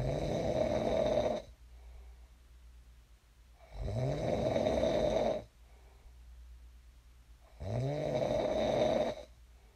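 Three long, rattling snores on the in-breath, each about a second and a half, separated by quiet out-breaths, roughly 15 breaths a minute.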